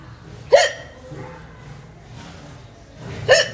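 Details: Indian woman hiccupping: two sharp, abrupt hiccups about three seconds apart, each a sudden voiced catch of breath, over quiet room noise.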